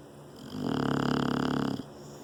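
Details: English bulldog Bullet sleeping in owner's lap: a single buzzing, vibrating snore lasting about a second; snoring.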